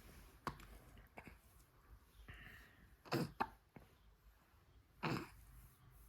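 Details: Person struggling with recurring hiccups: about five short, sharp bursts at uneven intervals in a quiet room; hiccups.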